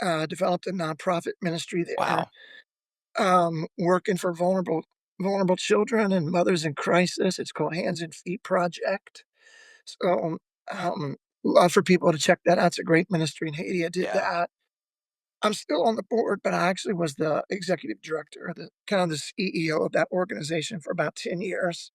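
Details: Adult male former lead vocalist with spasmodic dysphonia, a vocal disorder that began at the height of his singing career; he says it is audible in his voice; real condition, spasmodic dysphonia.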